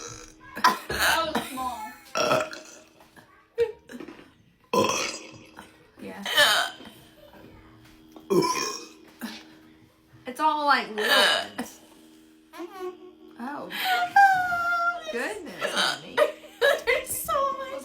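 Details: Several loud, drawn-out burps after drinking cherry Coca-Cola Zero, one person also troubled by hiccups, mixed with talking and laughter in a room; ordinary belching.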